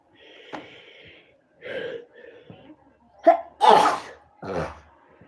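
Quiet inward breaths and sniffs building to two forceful sneezes; an allergic sneezing fit.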